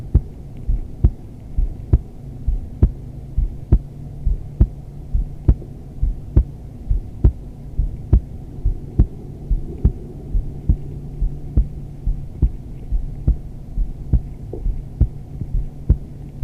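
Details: Adult female's resting heartbeat recorded during restorative yoga, in wide-legged modified child's pose: steady, regular heartbeat at about 68 beats a minute over a low hum, with breathing and clothing sounds; normal heartbeat.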